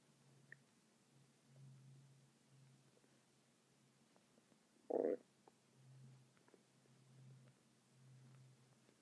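Soft, low gurgles and rumbles from the belly with one louder squelch in a quiet room; ordinary bowel sounds.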